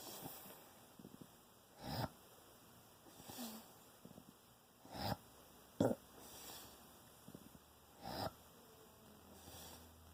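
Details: Irregular wet snorts and sniffing breaths from a sleeping pet in a quiet room, sounding like drowning; gurgling snoring.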